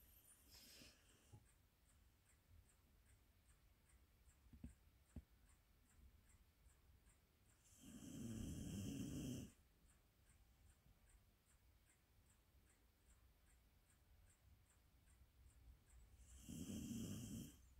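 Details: Azawakh dog asleep, snoring: slow, soft rumbling snores about eight seconds apart over steady room noise.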